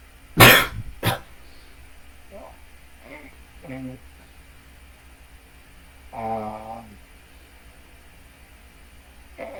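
Two sharp coughs close together, followed by soft vocal sounds in a small room.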